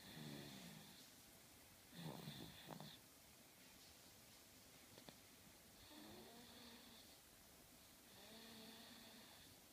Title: snoring